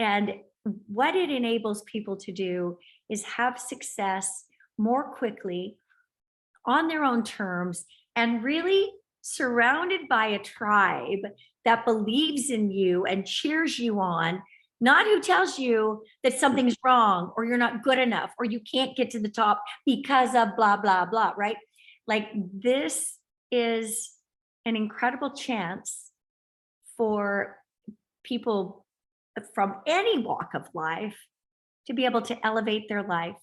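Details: Adult woman speaking; ordinary speech.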